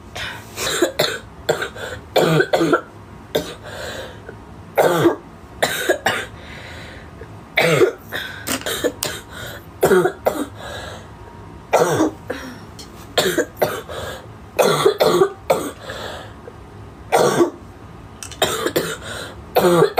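Repeated short, dry coughs in quick clusters with quiet breaths between, some sounding like throat clearing; recurring coughing spells.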